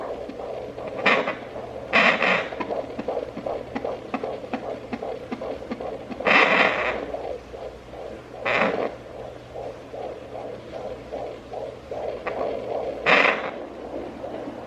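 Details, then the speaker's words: Fetal heartbeat heard with a home handheld fetal Doppler, probe on gel on the low abdomen of a first-time mother: rapid, regular whooshing pulses at 157 beats a minute. "so yeah guys there's my baby's heartbeat 157"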